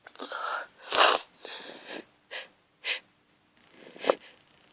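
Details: Hay fever sneezing fit from grass pollen in a hungover person who fell asleep in the garden: a run of sharp sneezes with breathy inhalations between them.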